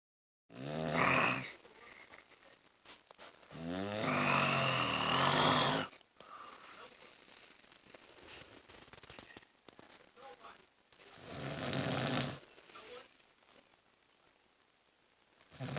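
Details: Loud, harsh, rattling snores on breathing in, separated by quiet pauses: an adult man (the recorder's father) snoring, heard all night; habitual snoring.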